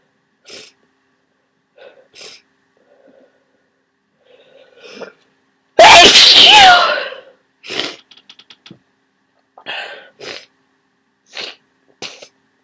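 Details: One loud, explosive sneeze after a sharp intake of breath, followed by sniffs and breaths, during a cold.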